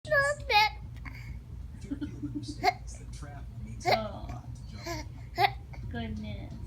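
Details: Infant with hiccups: brief, sharp catching sounds repeating about every one and a half seconds amid babbling, over steady room hum; hiccups.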